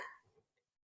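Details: One brief, quiet, muffled cough burst that fades quickly; a deliberate demonstration cough into the elbow showing proper cough etiquette to prevent spreading respiratory viral infections.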